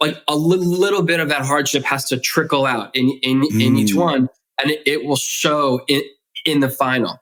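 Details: Stuttering in an adult male who has stuttered since childhood, in spontaneous conversational speech.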